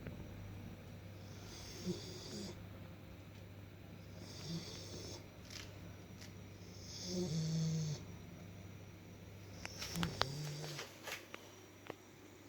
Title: black lab snoring pretty loud